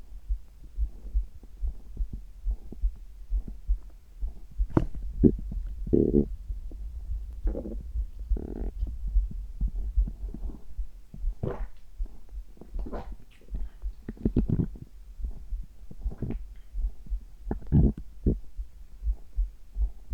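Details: Steady, slow, muffled heartbeat thumps with occasional gurgling stomach sounds over a low hum, heart and abdominal sounds recorded at the same time; heartbeat with bowel sounds.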